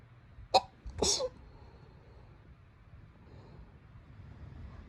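A quick sharp intake followed by a single explosive burst of air, then quiet room noise: one sneeze.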